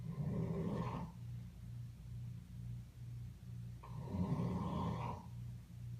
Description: Can anyone tell me what kind of animal makes these kinds of noises in its sleep?